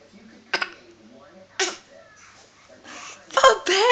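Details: Four-month-old baby girl giving two short, dry, deliberate fake coughs in play, not from illness, while a parent reacts.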